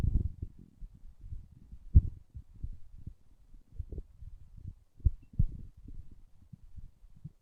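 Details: Low, irregular gurgles and rumbling bursts come and go over several seconds from an adult's stomach: growling bowel sounds (borborygmi).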